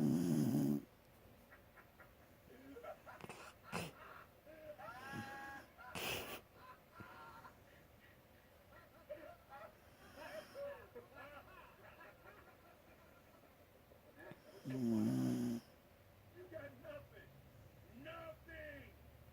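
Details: Animated-film cartoon dog snoring, simulated: two brief, rumbling snores with cartoon sound effects and scattered noises between them.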